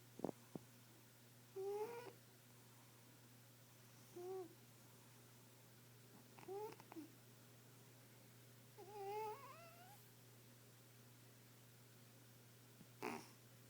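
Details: Female cat snoring in her sleep: faint, squeaky, whistling snores at irregular intervals over a low room hum; owner says she's fine.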